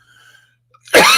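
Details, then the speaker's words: Dry cough from an adult male live-stream host who says he only coughs during live streams and seems okay during the day; saw a doctor about two weeks earlier. "i only cough when went on live streams as field guy yeah that's it it seems to be okay during the day"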